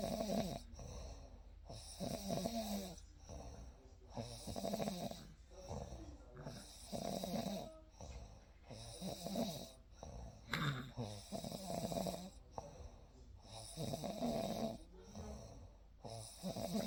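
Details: Real night recording of gentle, regular snoring in sleep, soft fluttering snores about every two to three seconds (roughly 25 per minute) with calm ambience.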